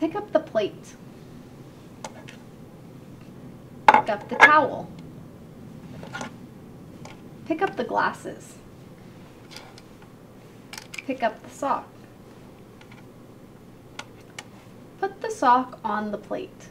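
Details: Adult speaker giving spoken instructions, with objects handled nearby; Normal speech.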